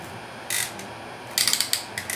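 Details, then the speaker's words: Surgical stapler firing in a demonstration of gastric sleeve (sleeve gastrectomy) staples: sharp ratcheting clicks in quick bursts as the cartridge fires and the indicator advances. "now I'm going to activate it and now take a look at this this will actually be the indicator as we start firing the staplers all the way down till we done with the with the with the with a cartridge"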